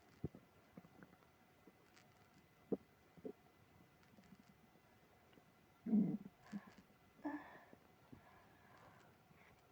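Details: Stomach growling with tummy trouble after eating ice cream, with moaning (borborygmi).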